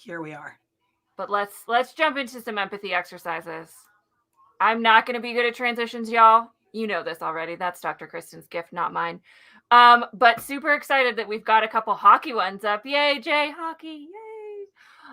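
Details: Adult woman speaking; Normal speech.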